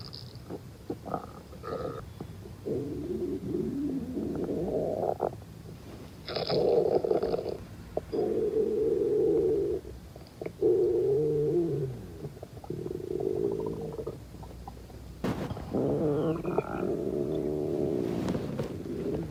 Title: Stomach Growls 5